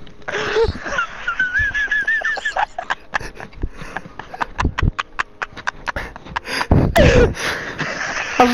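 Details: Dog with serious nose issues breathing noisily through its nose, with whistling, wheezy tones, snorts and rapid sniffing bursts; nasal congestion.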